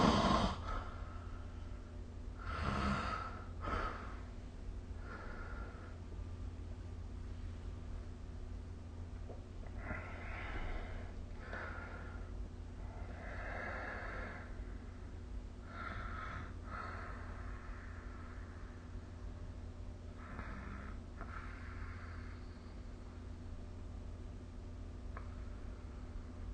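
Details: Snoring recorded with the SnoreLab app: noisy, rough sleep breaths recurring every few seconds over a steady low hum.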